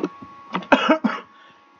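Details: Adult sick for about a week with a bad cough, not COVID-19: several harsh cough bursts in quick succession; cough.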